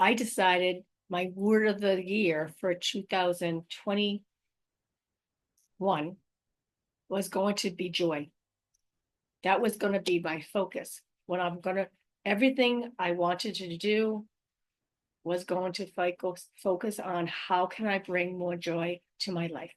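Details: Adult woman with aphasia, apraxia of speech and dysarthria after a stroke in May 2019; real patient speaking about her own condition.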